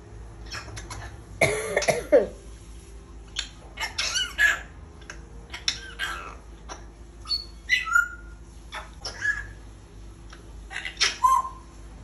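A parrot gives a run of short, harsh cough-like bursts mixed with brief squawks and whistles.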